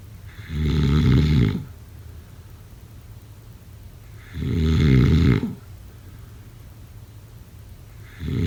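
Loud, rattling snores on each breath in, about every four seconds, roughly 15 breaths a minute; typical sleep snoring.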